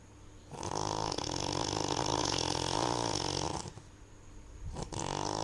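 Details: Long, loud, rattling snore on the breath in, a quiet pause, then the next snore starting; remarkably heavy snoring.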